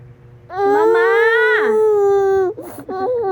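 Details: Infant girl crying, mother says the baby is hungry while food is prepared: sustained, tonal wail with a falling break, then short fussing sounds in a small room.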